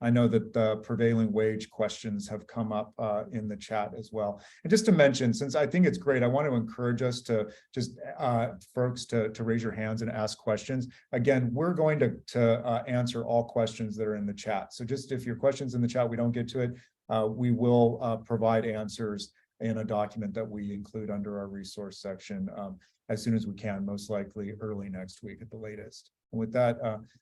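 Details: Adult male speaker; normal adult speech.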